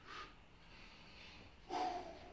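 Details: Two short, forceful nasal blows of air in a quiet room, the second louder, during a standing manual-therapy spinal decompression session; snorting.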